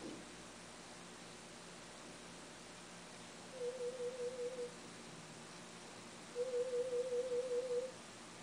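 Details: Hearing test (audiometry) at a hospital ear unit for a cochlear implant user, third test after implantation, hearing reaching the speech banana: two short runs of pulsed, warbling pure tones over quiet room hiss.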